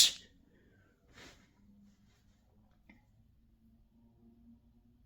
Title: piggy sneeze